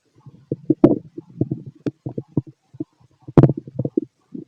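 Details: Fit male's stomach growling heard through a stethoscope: bursts of gurgling and bubbling with a few sharper squeaks; ordinary borborygmi.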